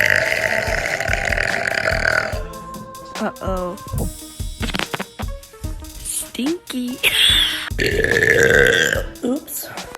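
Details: A girl's long, loud deliberate burps at the start and near the end, with talk and music in between; burping.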